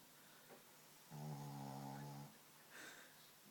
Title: Snoring pugs